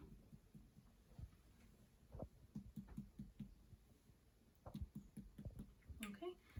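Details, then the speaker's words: Adult female patient, head-to-toe exam after normal bowel sounds: finger percussion across abdominal quadrants starting lower right, series of short hollow taps; tympany, the expected normal abdominal note. "so the sounds in your abdomen was timpani. That's what we're looking for."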